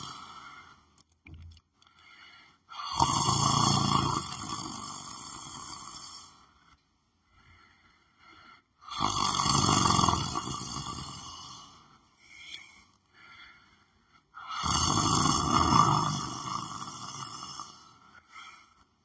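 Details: Person lying on the floor of their room, sleeping: loud, rough snores on each in-breath, about three in 16 seconds with quiet gaps between; ordinary snoring.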